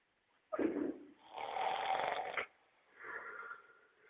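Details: Two harsh, fluttering snoring breaths with a snorting quality, separated by quiet pauses in a small room; snoring.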